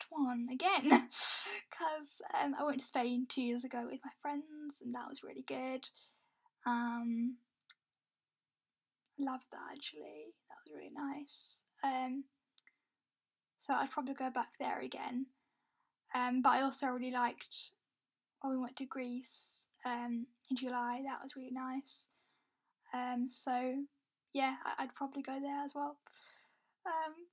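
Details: Young adult woman with a self-reported stammer; stuttering (stammer).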